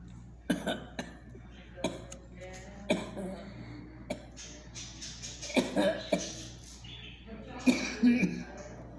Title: Just chilling alittle bored until I started hearing all this coughing 😒